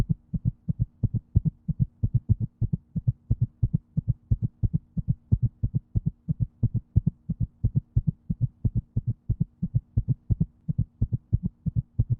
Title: Heartbeat sound #video